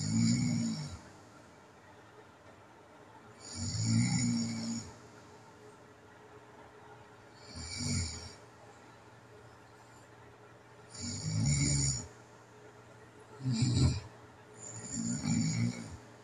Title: That awful, Dreaded sound of Sleep Apnea (Tape 1)